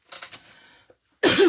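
A short burst of quiet coughs, then a loud, harsh single cough; an adult's dry cough.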